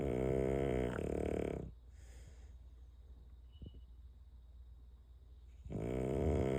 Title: There will be no silence after LIGHTS OUT😮‍💨😂 #reels #fyp #bulldog #snoring #nmodekennelz